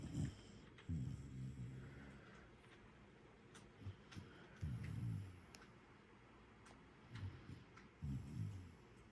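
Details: A Jackador puppy asleep, giving soft, low, repeated snorting snores at irregular intervals (about five in nine seconds) over quiet background noise.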